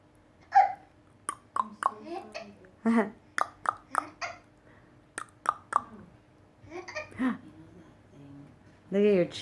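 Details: Repeated sharp, brief hiccups, about a dozen, from a baby while being bounced, with soft babbling and an adult voice; gripe water had not helped; hiccups.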